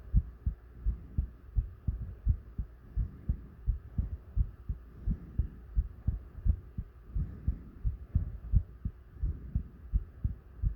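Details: Steady, deep thumping heartbeat, about 85 beats a minute, with faint heavy breathing in the background; heartbeat recording.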